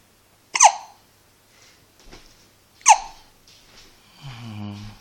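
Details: Hiccups in a baby boy; two sharp, abrupt hiccup bursts about two seconds apart, squeaky-toy-like, then a brief fussy vocal sound in a quiet room.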